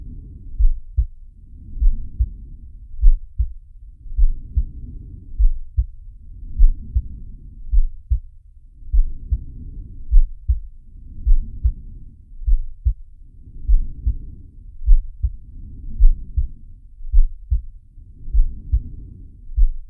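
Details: Simulated heartbeat and breathing of Sharky, an animated cartoon shark from Zig & Sharko: dull low heartbeats with slow soft breath sounds swelling about every two and a half seconds, roughly 24 breaths a minute.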